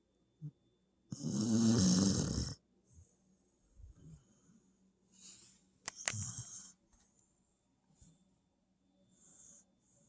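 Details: Snoring in a sleeping dog (tagged puppy): one loud harsh snore followed by softer snuffling breaths and faint whistles.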